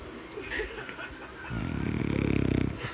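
A rough, rattling inward breath with fast fluttering vibration, building in loudness; snoring.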